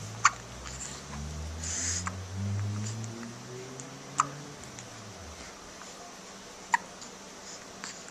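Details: Brief sharp hiccups at irregular intervals from identical twins, both hiccuping at once, over steady low background noise, recorded on a Flip Video camcorder; hiccups.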